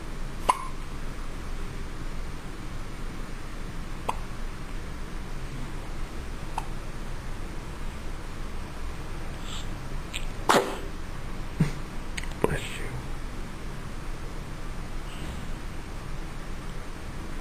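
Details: About one-day-old newborn baby with hiccups: brief, sharp, isolated hiccups at irregular intervals, about six in seventeen seconds, over quiet room noise.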